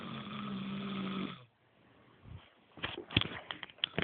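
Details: Man snoring: a rough, buzzing snore on the in-breath stops abruptly, followed by scattered clicks and rustling; snoring.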